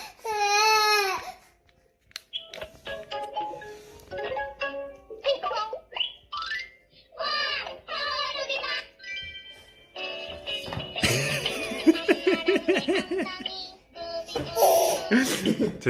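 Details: 200-day-old baby startled by father's sneeze, crying in loud bursts with short sobbing catches between them; an ordinary upset infant cry.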